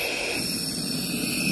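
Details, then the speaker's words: Loud steady hiss of 15 L/min oxygen through a Boussignac CPAP valve, mask sealed by hand with no patient, reading about 2.5: CPAP valve gas flow hiss, demonstration. "راح نسوي تجربة، احنا هنا ما عندنا مريض، بس انا بايدي راح اغلق الماسك كأنما اكو مريض ومسوي له غلق محكم. حنفتح فلو قلنا 15 لتر، تمام، حسد الماسك،"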